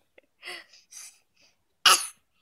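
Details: Toddler boy coughing voluntarily on command: a few soft breathy puffs, then one sharp, dry cough on request.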